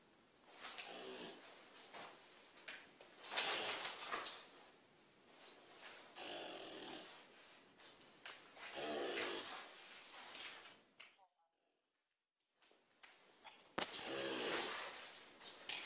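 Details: Tranquilized wild deer, darted then dosed again by hand, with a severely injured right rear leg after jumping through a house window, snores with rough, noisy breaths repeating slowly and somewhat irregularly in a small room.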